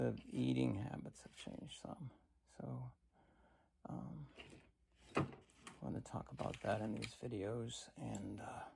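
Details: Adult man with cancer and a bile duct stent, weakened after difficult months, recorded in the morning; he attributes his creaky voice to lack of strength; creaky voice (vocal fry).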